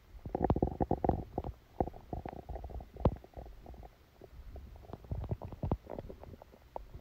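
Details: Stomachache after Christmas dinner, recorded while the person slept: frequent low gurgling and rumbling bursts from the abdomen; active bowel sounds, stomach rumbling.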